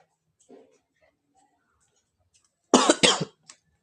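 Two loud, harsh cough bursts in quick succession, with a faint trailing sound, in a quiet room; a deliberate, acted cough.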